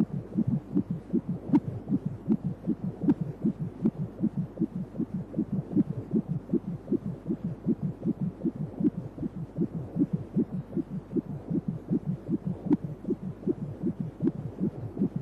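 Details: 3D/4D ultrasound baby scan: rapid, regular whooshing fetal heartbeat at about 155 beats a minute picked up on ultrasound.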